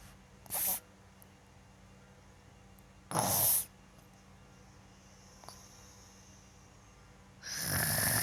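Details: Child snoring during sleep, recorded by his father: three short, harsh, noisy breath sounds a few seconds apart in a quiet room.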